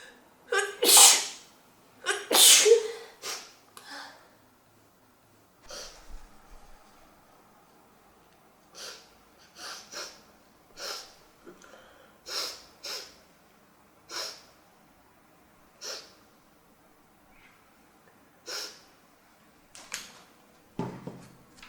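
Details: Sirokuro Neko sneezes: two loud, forceful sneezes, then a long run of smaller, softer sneezes a few seconds apart.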